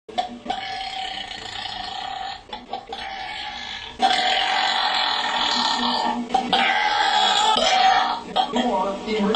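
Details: Burping girl: long, drawn-out voiced belches one after another, with room noise; repeated loud burping.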